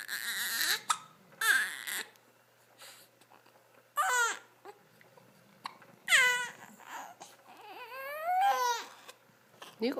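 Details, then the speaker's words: Infant's repeated wailing cry bursts with short breaks between them; a typical crying spell. "No, no reason to cry, baby. Let's hear it."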